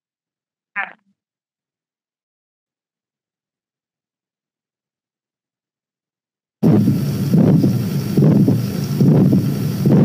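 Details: Ejection systolic murmur heard clearly at the aortic area, demonstrated in a congenital heart disease screening and diagnosis teaching session.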